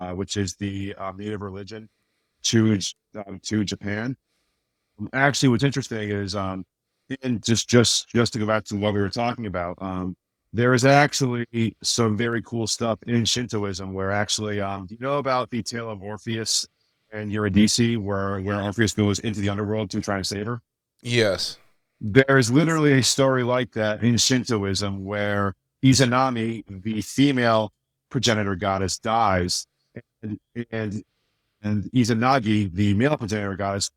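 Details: Adult male author with a speech impediment since childhood, much worse then and greatly improved but still a little audible: mild speech disfluency (residual speech impediment).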